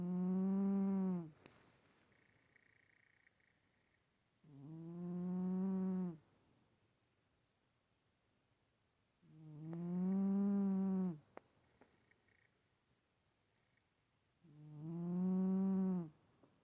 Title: Stache cat snoring...again